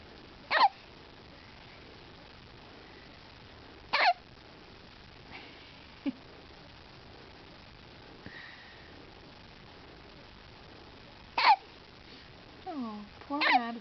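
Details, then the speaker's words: Person (named in source) having hiccups: sharp, abrupt catches at irregular intervals, four clear ones over about fourteen seconds, with soft vocal sounds near the end; hiccups. "do you have the hiccup? Do you have the hiccups?"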